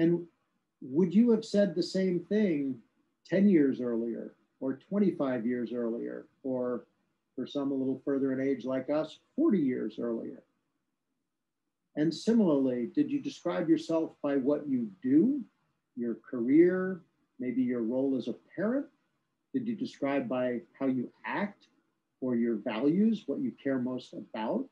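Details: Adult male speaker; Normal speech.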